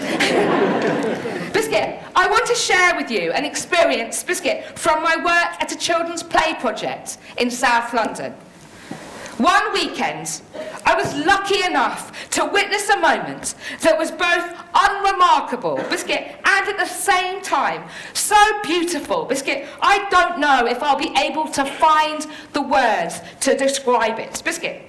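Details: Woman with Tourette syndrome, a neurological condition causing uncontrollable movements and noises, including repeated words; Tourette syndrome vocal tics.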